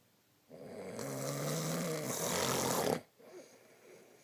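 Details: Adult man (husband) snoring: one long, loud, rough, rattling snore lasting about two and a half seconds, followed by quieter breathing.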